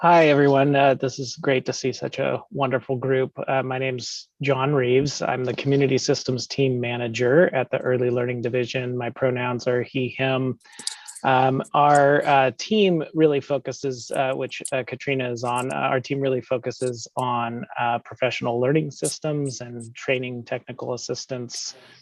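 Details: Adult male speaker; normal speech.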